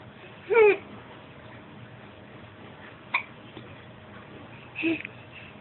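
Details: Hiccups in an infant who is crawling around and giggling: short, abrupt voiced catches, three in a few seconds, in a quiet room.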